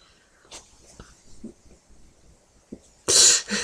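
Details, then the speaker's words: Adult who describes being very sick for several days and sleeping nonstop; soft breathy sounds, then two strong, harsh coughs close together: cough. "hey everyone it's me who else would it be super sick that's why I haven't been updating"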